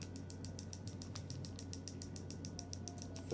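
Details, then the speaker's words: Rapid steady clicking pulses, about six per second, over a low hum from an electro-hydraulic GAINSWave shockwave device on an adult man's shoulder with a small rotator cuff tear; patient reports no pain; shockwave therapy device clicking. "Now, there we go. Can you can you hear that little clicking sound?"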